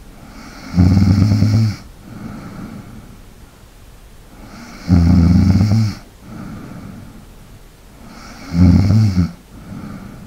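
Loud, rattling snores on each breath in, about 16 a minute, with softer breathing out between them.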